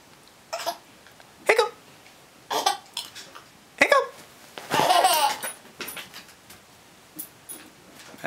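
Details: Hiccups in a laughing child: short, abrupt catches in the breath recurring between bursts of giggling and laughter.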